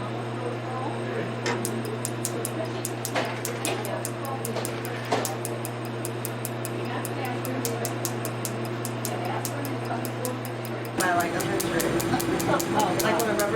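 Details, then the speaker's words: Q-switched laser tattoo removal starting on a blue-black area of a multicolored tattoo during a live demonstration: rapid sharp snapping pulses, about three a second, over steady machine hum and soft background music. "er this is like a great tattoo cuz it showcases I'd use every single wavelength that this system has and I'm going to start just with this little blue black here right up here in the corner just to kind see how we're starting off"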